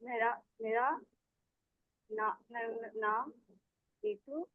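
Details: Voluntary (deliberate) stuttering: a self-help group member demonstrates voluntary stammering with high frequency and low tension.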